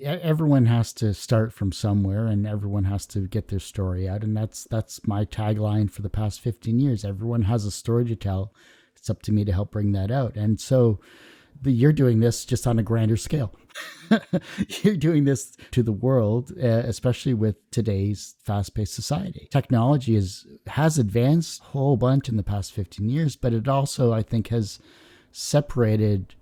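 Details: Adult male speaker; normal speech.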